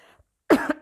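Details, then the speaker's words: An adult interrupts her own speech, apologizing as she coughs. "oh là là excusez-moi je vais tousser les personnes qui ont des écouteurs enlevés les"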